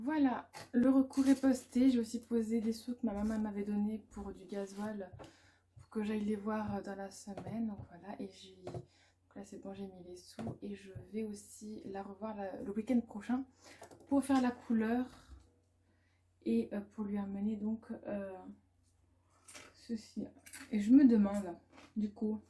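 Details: Adult woman, a student and mother, who stutters; she reports background noise (machines, children, music) worsens it and blocks her speech, calls it a likely permanent brain dysfunction, and is considering a speech therapist assessment; stuttering.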